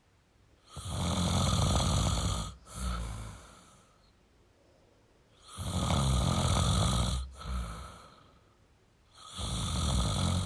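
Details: Male snoring: repeated heavy, rumbling snores, each followed by a shorter exhaled snort, about three breaths in ten seconds.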